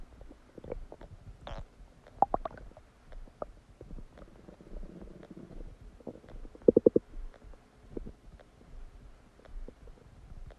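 Scattered gurgles, pops and a short burst of bubbling clicks. These are bowel sounds of digestion after a meal.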